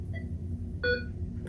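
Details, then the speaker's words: Arterial line setup: the ABP transducer is opened to air and zeroed on the patient monitor, giving a brief monitor tone over low room rumble as the waveform goes to a flat line. "you hear that tone and you also see it go to a flat line at that point"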